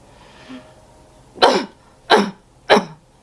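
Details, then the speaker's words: Soft belly breath in, then three strong deliberate coughs about a second apart, demonstrated by a nurse who survived COVID-19 pneumonia; a splinted cough with the arms hugged across the abdomen instead of a pillow, to clear the lungs. "So once again, when you're coughing, if you don't have a pillow, splint like this. But the best thing is to have a pillow and hold it against like this."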